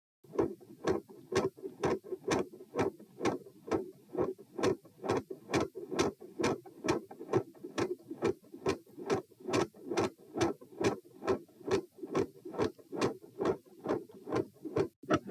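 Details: Heart sounds recorded at position p, subject standing, no drugs, regular rate about 67 per minute; sharp, clicky first sounds over steady background rumble.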